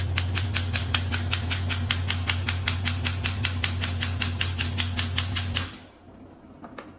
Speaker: Now we test the shockwave handle. Set the frequency and set the energy. Flip it on and click start. Then press the handle button.